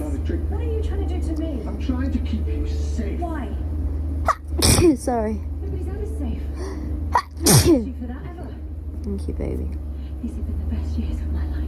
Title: Allergic Rhinitis Sneezes (And watching Doctor Who)